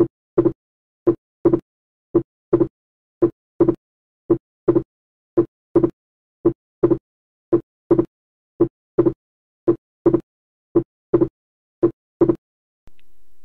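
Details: Teaching recording of wide splitting of S2 with respiratory variation, as in right bundle branch block: regular heartbeat near 56 a minute, with a wide split that widens on inspiration and does not fuse on expiration.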